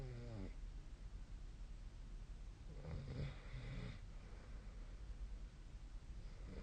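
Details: Faint low snoring on an inward breath, partly lost in steady background hiss, from a sleeping adult; snoring.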